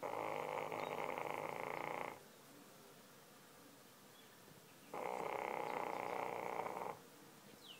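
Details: Sleeping English bulldog with loud snoring habits: long, steady, buzzing snores of about two seconds each, separated by quiet pauses.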